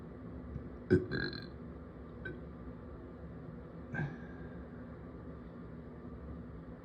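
Two short gurgling throat bursts over steady room hum, a belch heard twice.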